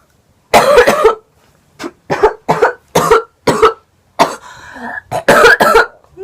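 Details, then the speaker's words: Coughing from a woman with a lingering cold while smoking; cough. "I almost just coughed into the bowl and made it go everywhere. I have a I still have a little cold right now."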